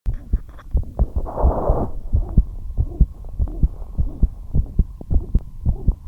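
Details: Heart murmur heard through a stethoscope with a fast, regular heartbeat; the heart rate rose despite the patient being kept at rest; brief rubbing noise early on.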